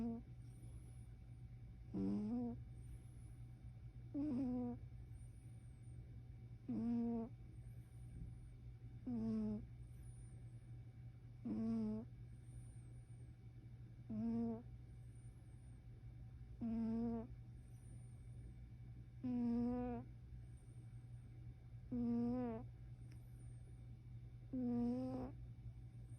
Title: 55 seconds of my cat snoring adorably